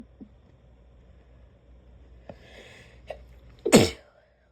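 Quiet room, a couple of soft breaths or clicks, then one sharp, forceful sneeze burst near the end.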